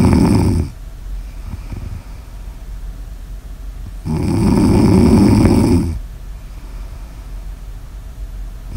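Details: Snoring ASMR audio recording: long, coarse, rumbling snores roughly every four seconds, about 14 a minute, over faint room noise; steady snoring.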